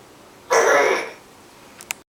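One rough, noisy, half-second rasp of forced air through the throat, heard as a throat clear, in a quiet room.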